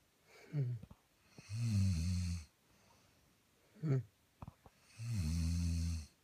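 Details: Woman snoring, a repeat recording: regular snoring over about two breath cycles, a low rumbling snore on each breath in with short gasps between, in a quiet room.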